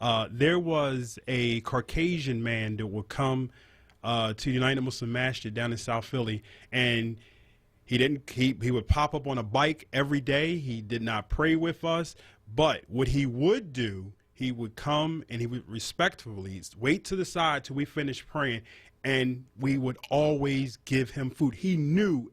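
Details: Adult man speaking; normal voice.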